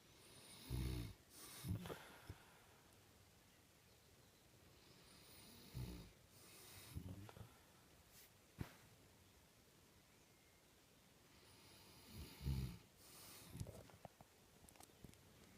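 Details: A father snoring: low rattling snores in bursts between quiet stretches of breathing, with a few snorts, in a quiet room.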